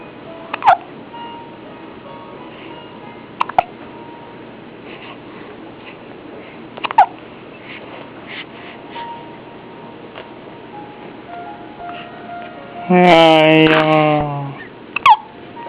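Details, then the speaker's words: Newborn baby hiccuping: about six brief, sharp hiccups at irregular intervals, with a short fussy sound near the end and quiet room noise. "宝宝在打嗝。宝宝看到镜头就不打了，又来了，好可爱呀！"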